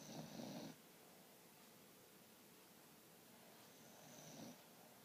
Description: is really sawing some logs!